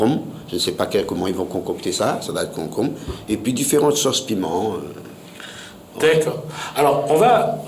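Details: Adult male speaker; normal speech.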